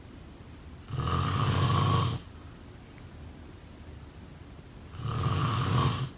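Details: Two loud, rattling, low-pitched snores about four seconds apart with quiet breathing between: ordinary snoring during sleep.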